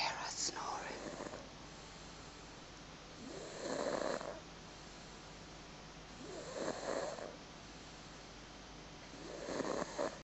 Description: akip on the sofa 16 months old snoring her head off .